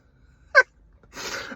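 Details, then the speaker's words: Adult sneezing in the middle of a big yawn while stopped at traffic lights in a car: a single sharp, brief sneeze burst followed by a longer breathy exhalation, a sneeze run into a yawn. "so I was starting to yawn and I I I I let it out I just did the yawn and no one's face looks great when they're yawning do they but mid ywn also sneezed"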